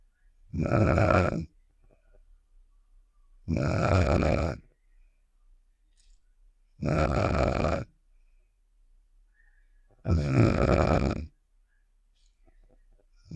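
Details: Snoring sound effect of the cartoon character Star from Save The Shapes (simulated): four slow, rough, rattling snores about four seconds apart, near 19 a minute.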